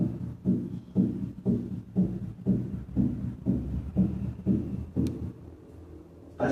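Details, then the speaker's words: Split first heart sound at 60 beats per minute, nearly three sounds per beat. "continuamos en este área pero apreciemos ahora el desdoblamiento de s1 que se ilustra en la figura s primero a 60 latios"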